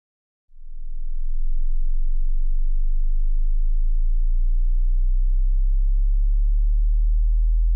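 A steady, very low pure tone starts after half a second and holds, a hearing test tone at the bottom of the hearing range.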